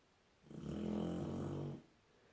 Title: Labrador pup snoring like a drill